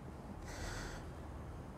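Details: A single forceful breathy burst of air lasting about half a second over low room noise, a snort-like exhalation.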